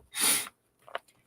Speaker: Uh-oh, hold on, I got to sneeze. Oh, I tried to mute it, but I couldn't see. I'm sorry. Goodness, what a sneeze.